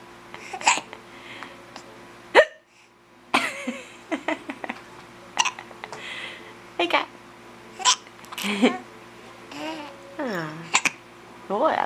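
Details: Mother and baby both with hiccups: sharp, sudden hiccup sounds mixed with baby babbling and laughter over steady room hum.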